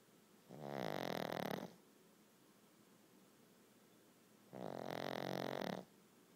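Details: Two long, loud, rattling snores about four seconds apart with quiet pauses between; snoring.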